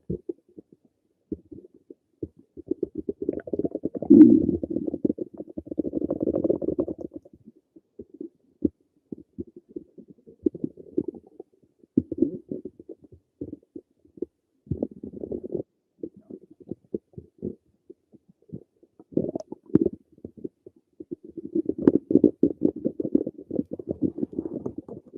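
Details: Person's own stomach: bursts of gurgling, bubbling abdominal rumbles separated by quiet gaps; ordinary bowel sounds (borborygmi).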